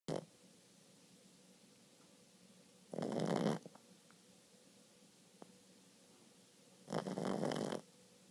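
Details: 4-month-old Boston Terrier puppy snoring loudly.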